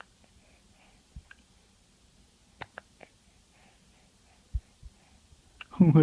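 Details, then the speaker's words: Baby girl with hiccups she dislikes: several brief, sharp, low hiccup jolts at irregular intervals in a quiet room, ending with a louder vocal sound. "oh now you have the hiccups oh you don't like hiccups huh Oh stupid hiccups it is ruined our day we are having so much fun"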